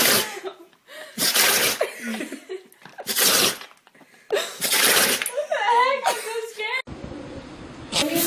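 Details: Compilation of animals sneezing, including a llama: several loud, sharp, noisy sneeze bursts followed by human laughter, chatter and "bless you".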